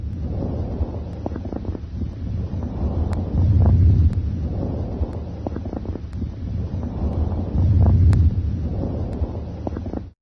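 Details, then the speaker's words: Loud, hollow, high-pitched breath sounds over the trachea, with expiration slightly longer than inspiration, heard during a respiratory physical assessment; normal bronchial breath sounds. "you should hear bronchial sounds over the trachea these high-pitched sounds are louder and may be heard slightly longer on expiration than on inspiration"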